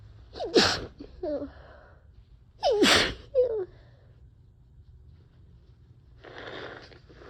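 Two forceful wet sneezes, each with a sharp inward catch before it, then a short nose blow; sneezing with a head cold.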